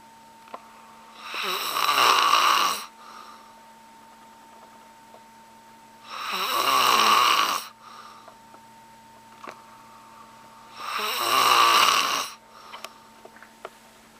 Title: Loud & Annoying Snoring